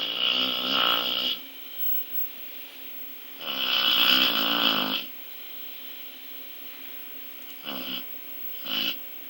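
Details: Female dog who snores very loudly, sleeping: loud, whistling nasal snores, two long then two short, with quiet breathing between.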